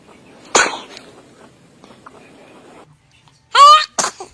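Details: A small, sharp baby sneeze followed by a second sneeze, with an adult voice briefly responding; normal infant sneezing.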